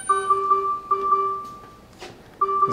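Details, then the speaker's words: Repeating ventilator low tidal volume alarm beeps in a mechanically ventilated patient with an endotracheal tube after closed-system suctioning, when the suction catheter was not fully withdrawn from the tube. "when you take a look and see that you got that low tidal volume alarm going off you can see it that well"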